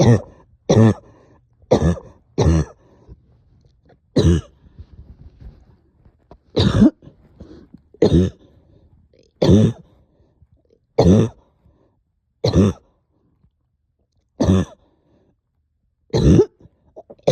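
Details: Productive cough, up coughing all night with stubborn sticky phlegm, heavy chest and headache: repeated deep, harsh chesty coughs, about twelve in seventeen seconds.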